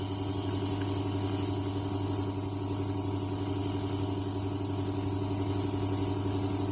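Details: Baby in hospital with a productive phlegmy cough receiving a nebulizer (steam inhalation) treatment: steady loud mechanical hum with a fast buzzing rattle and airy hiss of the running compressor.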